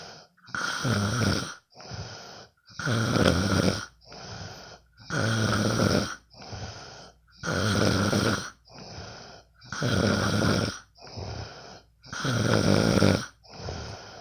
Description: Sometimes i can't sleep. So i will record my bff snoring...